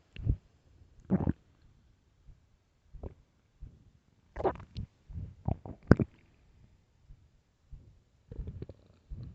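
Low gurgling, rumbling bursts of stomach growling with quiet gaps, the ordinary bowel sounds of an empty, hungry stomach.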